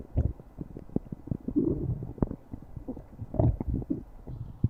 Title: stomach growling